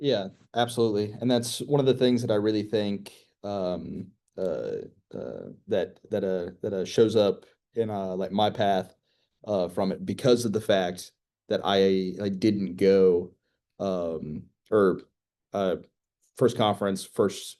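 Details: 25-year-old man with later-onset stuttering, real person who began speech therapy at age 14; stuttering.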